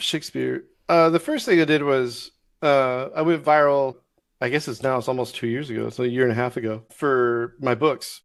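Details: Adult male disabled Navy veteran with Tourette syndrome that developed during military service from stress and lack of sleep; the word 'Shakespeare' recurs in speech, apparently a vocal tic (Tourette syndrome).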